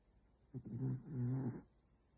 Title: Nap time with Roxy. Have you ever heard a corgi snore!